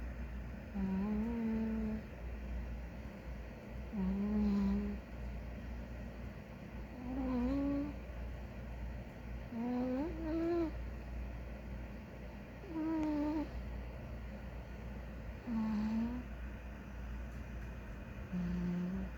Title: Big Ginger Cat snores [sound on]